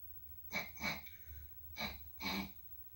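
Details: Simulated sneezes by Bear puppet character from Bear in the Big Blue House, nose clogged: several rushed, airy nasal bursts in quick succession.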